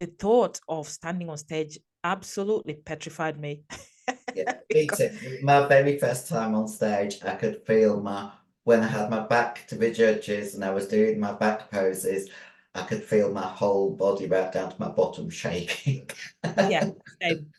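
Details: Adult female bodybuilder with androgen-induced voice deepening (virilization) after large doses of male steroids (performance-enhancing drugs). Her voice was formerly high-pitched and is now very deep, and she can no longer sing. She also has chronic kidney disease and past liver damage.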